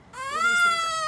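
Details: Newborn on day 3 of life making a brief, rising, high-pitched squeal, a normal baby vocalization, with mother nearby.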